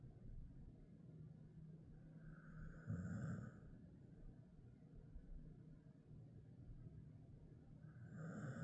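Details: Ten-year-old male Jindo mix dog, Ddaya, asleep and snoring: soft low snore on the in-breath about every five seconds over a steady room hum.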